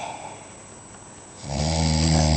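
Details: Person sleeping after a night of heavy drinking in Sardinia: after a quiet pause, a loud, low, rattling buzz begins on an in-breath and continues; snoring.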